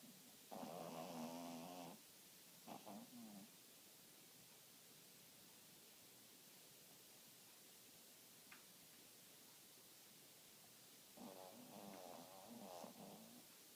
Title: Roxy snores